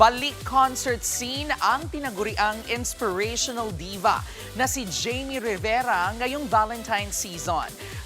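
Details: Adult female news narrator; normal speech.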